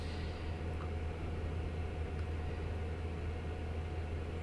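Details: Audiologist's ear microsuction removing hardened keratin dead skin peeling from the ear canal wall: a steady, low rushing suction noise with a faint constant tone.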